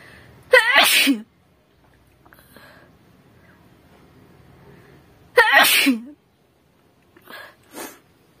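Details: Woman doing a sneezing challenge: two loud, sharp, voiced sneezes, then brief sniffs and nose blowing; performed, not a real reflex sneeze.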